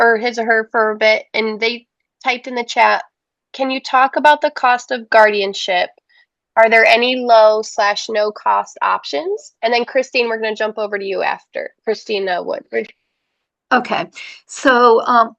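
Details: Adult woman speaking; typical speech.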